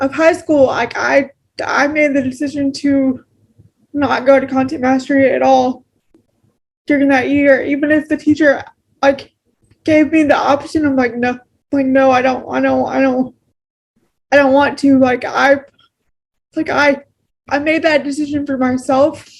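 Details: Adult woman with cerebral palsy, a wheelchair user, speaking naturally in a real conversation; she notes pronouncing words takes extra effort; dysarthric speech in cerebral palsy.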